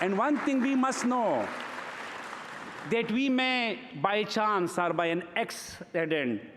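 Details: Adult man who has stuttered since early childhood, speaking at a gala: stuttering.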